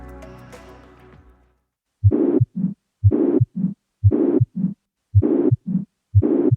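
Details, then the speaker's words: Ventricular septal defect: harsh pansystolic murmur at the left sternal border, fourth intercostal space, regular heartbeat about 60 per minute. "при дефектах межжелудочковой перегородки возникает панси салический шум который прослушивается у левого края грудины в четвёртом"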